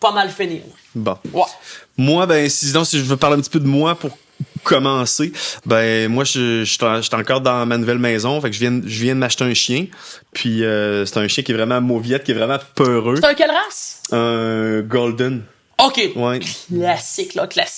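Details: Adult male who stutters, more when tired and at changes of season, and says speech therapy did not help him; French speech; stuttering.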